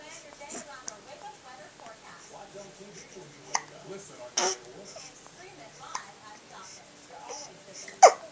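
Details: Hiccups: quiet babbling voice broken by several short, sharp, abrupt catches of breath.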